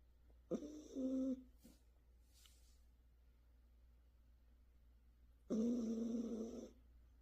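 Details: Sleeping Dalmatian dog with heavy snoring: two loud, drawn-out nasal snores separated by quiet breathing.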